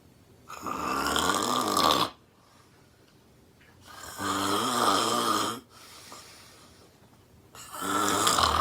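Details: Woman sleeping on a couch, snoring loud enough to hear across the room: loud, rough, rattling snores on each in-breath, about three in the clip, roughly 18 a minute. Heavy snoring.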